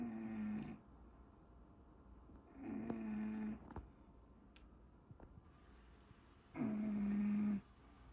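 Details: Three drawn-out, buzzing snores about three seconds apart, with faint clicks between, from a sleeping bulldog in a quiet room; snoring.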